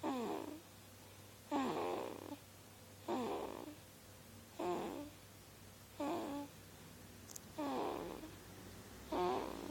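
Regular rattling snores with each breath, about seven in ten seconds, roughly 40 a minute, over a low room hum; ordinary snoring.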